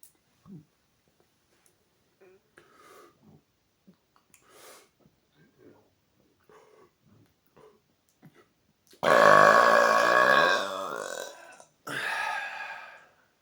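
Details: Deliberate burping after drinking a good amount of Coke Zero: quiet faint sounds, then a long, loud, rumbling belch followed by a second shorter one.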